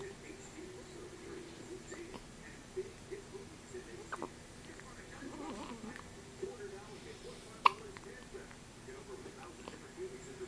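Quiet room with soft, brief catching sounds recurring every second or two among faint background noise, fitting infant hiccups.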